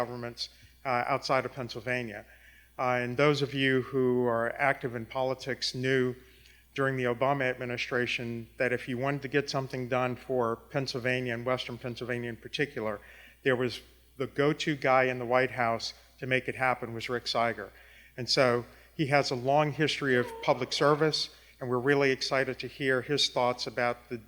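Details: Adult male speaker; normal voice.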